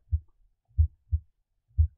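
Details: Normal heart sounds from an iPax auscultation simulator sample case: clear, crisp paired sounds at about 60 a minute with no murmur, loudness depending on chest-piece position.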